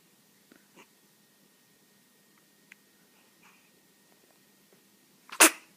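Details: Sneezing from a young pet, about 3 weeks old: faint snuffles, then one sharp, explosive sneeze near the end.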